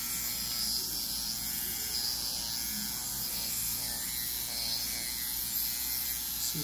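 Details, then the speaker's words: Motorized dermapen microneedling pen buzzing steadily during a stem cell facial with hyaluronic acid and RPRF on a female patient; needle depth lowered from 2 mm to 1.5 mm over thinner tissue, 2 mm reaching the dermal layer. "I'm gonna go down from two down to one and a half she's probably I feel a little more comfortable when I do that so I like the two millimeters because it gets me into that just hit the dermal layer"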